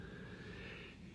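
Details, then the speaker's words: Low, rough, steady rumble of a dog sleeping beside the speaker, heard in the background as snoring. "Eu não sei se você está ouvindo minha cachorra roncando, mas ela está roncando do meu lado aqui."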